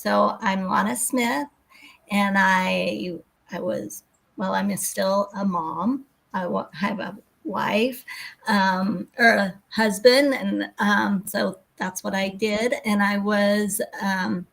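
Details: Woman with global aphasia affecting expressive speech after a severe stroke in 2020, still having word-finding difficulty; aphasia.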